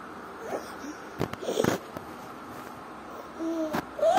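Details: Inspiratory stridor in a 1-year-2-month-old boy with bilateral vocal cord paralysis: noisy breaths with high-pitched, whistling, squeaky tones on some breaths, quiet room.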